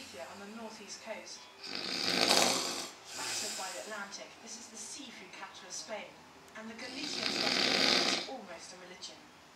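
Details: Dad snoring, two loud rough noisy snores a few seconds apart with a television talking quietly in the background; snoring.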